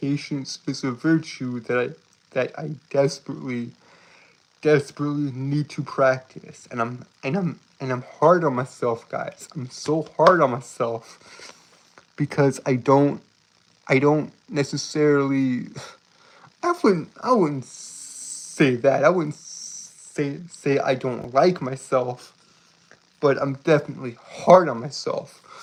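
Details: Stuttering in a male streamer with a self-reported speech impediment that makes him stutter and trip over his words; this stretch has repeated phrases.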